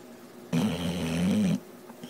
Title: Tank snoring